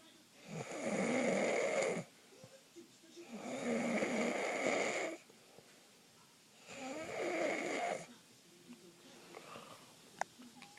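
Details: Person sleeping and snoring loudly, likened to a garbage disposal with a nail in it: three loud, rough, rattling snores on the in-breath with quiet pauses, about 17 breaths a minute; ordinary snoring.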